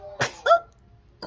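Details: Infant sneezes after feeding, and milk comes out of the nose: one quick, sharp, breathy sneeze followed by a brief voiced squeak.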